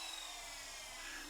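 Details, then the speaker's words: Cadaveric shoulder surgery, bone block cerclage with distal tibia allograft for glenoid bone loss: steady high-pitched whine of a 3 mm drill running over a 1.1 mm guide wire through bone to the far side. "Now we like the position of the wire, so we'll take our 3 mm drill and drill through to the other side."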